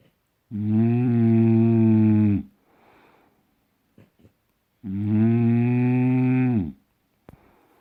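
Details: Snoring during sleep: two long, loud, buzzy rattling snores on the in-breath, with quiet out-breaths between them.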